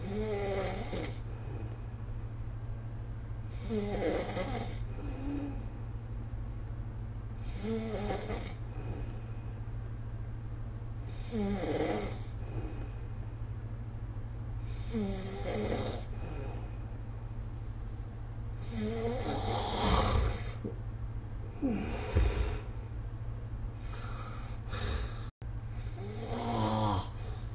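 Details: Snoring during sleep recorded with the SnoreLab app: regular rumbling snores on each inhalation, roughly every four seconds, over a steady low room hum.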